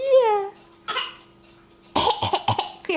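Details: A mild cough in an infant who is nearly crawling, recorded while playing patty-cake. Vocalizing is followed by a few short, harsh cough bursts with a wet edge.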